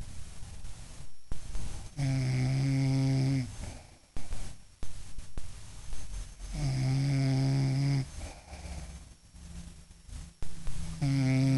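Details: Adult woman (mother) snoring while asleep: loud, buzzing snores on each breath in, about three breaths, with quieter breathing out between.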